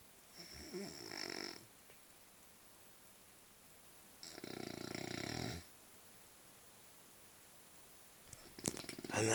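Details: Adult man asleep, who also talks in his sleep: two loud, grating, squeaky teeth-grinding bursts of about a second each, likened to blackboard scraping. Sleep bruxism (teeth grinding).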